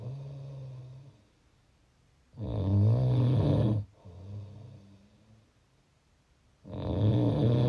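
Loud, low rattling snores on the in-breath, with a softer sound on the out-breath between them. About two breath cycles in under eight seconds.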